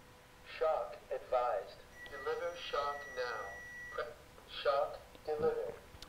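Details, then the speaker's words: Hands-only CPR and AED demonstration: pads placed on right shoulder and left chest, CPR stopped so the defibrillator can analyze the rhythm; recorded voice prompts and steady tone telling rescuers to stand clear. "and we plug the cables in and turn the defibrillator on so stop touching the patient stop CPR so it can analyze the rhythm"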